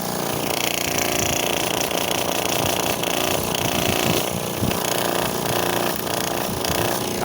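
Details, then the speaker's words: Loud running noise with irregular rattling knocks from the compressor of an opened AirSep Intensity 10 oxygen concentrator, tank line disconnected and air outlet blocked, suggesting something loose inside. "vamos a tapar el aire y empieza el oído acá no aquí acá el golpeteo"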